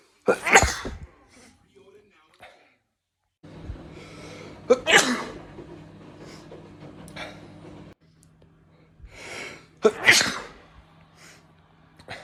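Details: Three loud, explosive sneezes from separate recordings, each a sharp burst with brief breathing or room noise between; compilation of sneezes recorded over days, months and years.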